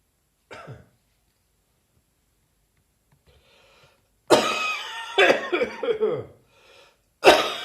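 Several harsh, dry, unproductive coughs in a short fit, separated by brief quiet pauses.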